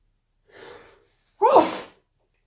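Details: One forceful, explosive sneeze after a soft intake of breath, part of an induced sneezing fit.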